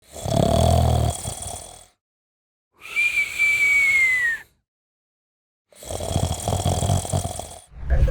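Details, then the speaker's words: Heavy snoring: loud, coarse, rattling snores alternating with a higher whistling breath sound, repeating every few seconds with silent pauses between, presented in an ENT discussion of snoring and sleep apnea. "ఇటీవల కాలంలో చాలా మందికి గురక సమస్య అనేది వచ్చింది. ఈ గురక వల్ల కలిగే దుష్ఫలితాలు ఏంటి దానికి సంబంధించి ఎటువంటి జాగ్రత్తలు తీసుకోవాల్సిన అవసరం"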